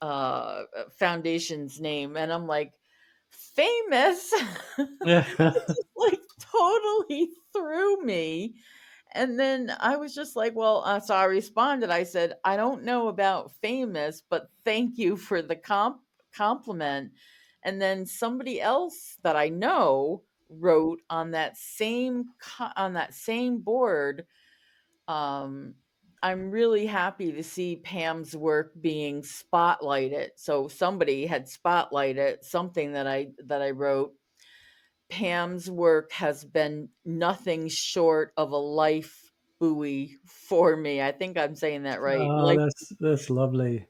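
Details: Stuttering in an adult woman who was a covert stutterer for over 35 years, with word and part-word repetitions.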